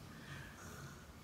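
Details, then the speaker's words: Faint, low rumbling snore from the speaker's adult father, asleep in the background of a quiet room after refusing to go to bed; snoring. "If you hear that dragon snoring in the background, that's my dad. He refused to go in the bed and he refused to take his ass in bed and go to sleep."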